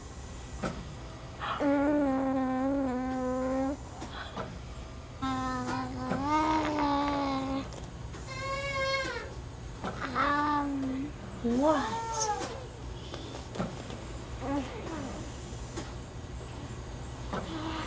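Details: Jabbering and cooing from an infant just over one year old with Werdnig-Hoffmann disease (described as muscular dystrophy) and likely oral floppiness. He is ventilator-dependent with a tracheostomy and has a Passy-Muir speaking valve in line after a couple of weeks' practice; quiet without it.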